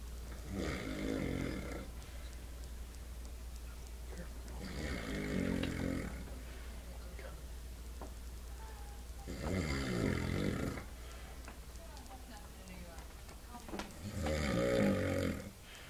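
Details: Snoring from a sleeping father, described as very loud: loud, rough snores with each inhalation, about four over sixteen seconds, quiet gaps between.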